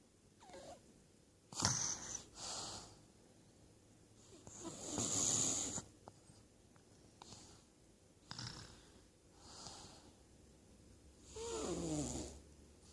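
Noisy breathing with rough, hissy breath sounds repeating every few seconds, with faint room noise; snoring during sleep.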